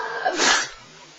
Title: i sneeze money